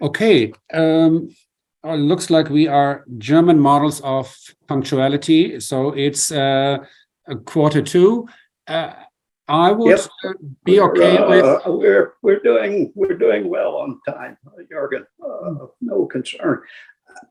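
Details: Adult male speaker; no voice disorder.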